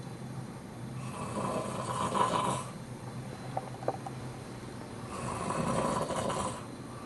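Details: A man sleeping after a hectic weekend, snoring loudly enough to wake someone: two rough, rattling snores on the in-breath, about four seconds apart.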